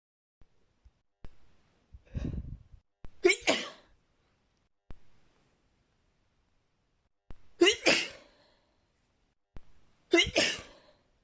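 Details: Three forceful sneezes, each preceded by a quick inhalation, plus a nose blow and small sniffs; sneezing fit.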